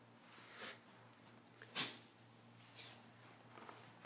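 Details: Dog sneezing: several short, hissing bursts, one clearly stronger, over a low room hum; repeated small sneezes.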